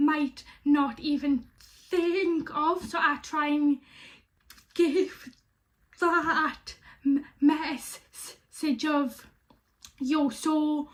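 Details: Stuttering in a young woman who has stammered since age five.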